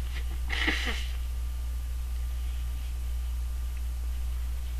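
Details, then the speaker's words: A single short, partly held-back sneeze over steady low room hum, then quiet; the person says they tried to hold it back and thought another sneeze was coming. "sorry I tried to hold that one back well I guess that's it for now"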